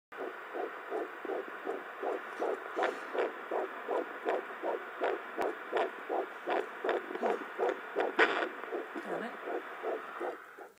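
Rapid, regular whooshing beats from a handheld Doppler, about 155 per minute: a fetal heartbeat.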